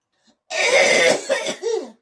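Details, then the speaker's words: Cough caused by a malfunctioning vagus nerve stimulator implanted for epilepsy (seizures): a harsh, forceful cough burst followed by two shorter coughs, part of a severe coughing episode, not choking. "you're not choking. >> No, it's this. No, >> it is your VNS."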